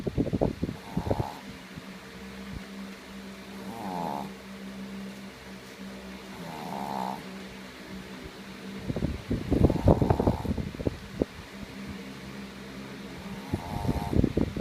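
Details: Sleeping dog snoring loudly: about four rough snores over fifteen seconds with a steady low hum in between.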